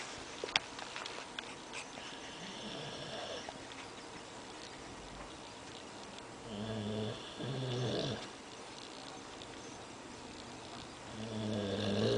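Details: A sleeping dog having a bad dream, snoring: soft, low snoring breaths, two or three clear snores over background room noise.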